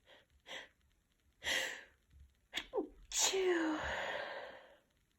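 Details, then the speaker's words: Adult female, sick with tickly nose and mild congestion, after trying to induce sneezing: quick sniffs and breaths building up, then a forceful wet sneeze with a long trailing exhale. "Oh my god, they're so big. Chinky doesn't seem to help too much."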